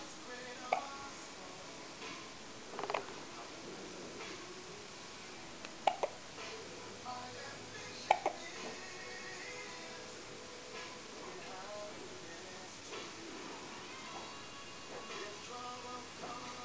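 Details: Hiccups in a 2-week-old baby: several short, sharp hiccup sounds at irregular intervals, with music and room noise in the background; the hiccups then stop.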